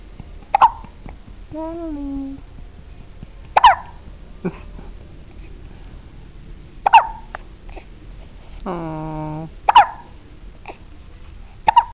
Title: Cutest baby with hiccups!